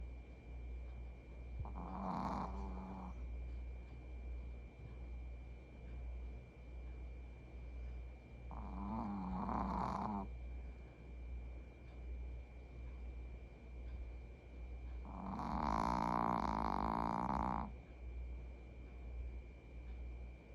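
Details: Male Maltese dog napping: three drawn-out rattling, buzzing snores spaced several seconds apart over a steady low room hum; small dog snoring in sleep.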